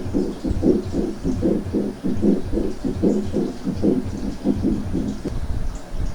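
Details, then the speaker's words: Teaching recording: harsh, scratchy sounds repeating with each heartbeat at about 76 a minute, easily heard but easily confused with other sounds; pericardial friction rub. "ok ese es el ruido lo que nos daría a nosotros un frote pericárdico desde luego que es un ruido que se puede apreciar fácilmente pero se puede confundir con muchos otros ruidos"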